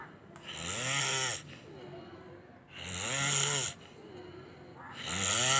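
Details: Loud, rasping snores on each breath in, about two in five seconds, with quieter breaths out between; disturbing snoring.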